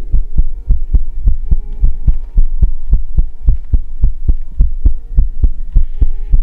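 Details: Heartbeat ASMR recording: deep, regular thudding beats at about 105 a minute with a low hum behind them, fast but steady; heartbeat.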